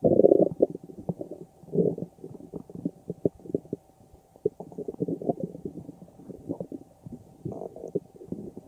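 Low gurgling, bubbling rumbles rising and falling over several seconds. Ordinary stomach growling from gas and fluid moving through the gut.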